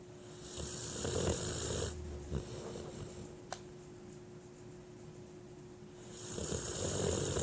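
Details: Two rough, fluttering snores, one early and one at the end, with quiet breathing between over a steady hum; snoring.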